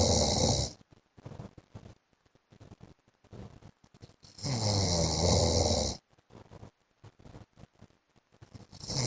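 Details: Adult man (husband) asleep: loud, rough snores with snorting breaths between them; ordinary heavy snoring.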